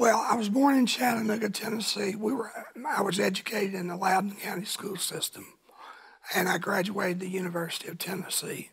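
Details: Adult man with a voice change after cancer, which he first thought was a thyroid problem; kept secret for years, now cancer-free; voice change after thyroid cancer.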